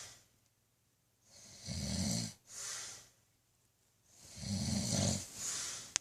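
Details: Two loud, rough snoring breaths with a rattling low tone and hissing airflow, separated by quiet pauses; ordinary snoring.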